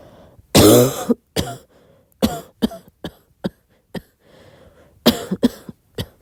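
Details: Coughing at midnight: a loud opening cough followed by a run of short, soft, dry coughs, about ten bursts in six seconds, in a quiet room.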